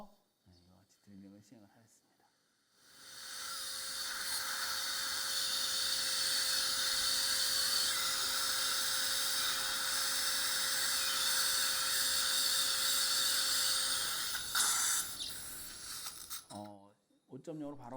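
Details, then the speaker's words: Guided implant surgery at site #46, lower right, in a 67-year-old woman after socket preservation: steady high-pitched whine with hiss for about eleven seconds as a 3.5 × 10 mm OneGuide drill runs full length. "Full length drilling is done. 3.5 by 10mm OneGuide wide ball type was used to do drilling."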